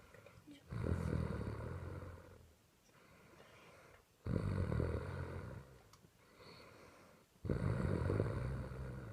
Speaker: Hi guys, we're just recording a video. This is my sister snoring.